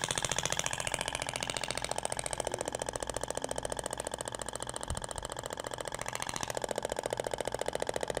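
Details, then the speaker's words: Rapid, regular clicking pulses at about 15 per second from a Thork Ibramed radial shockwave (ESWT) applicator with a plastic (polyacetal) tip moving slowly over a gelled abdomen; sound differs from the stainless-steel tip. "Até o barulho é diferente da ponteira de polcetal pra inox."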